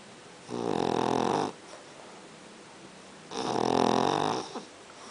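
Two long, rough, fluttering snores on breathing in, each about a second, from a sleeping dog; ordinary snoring.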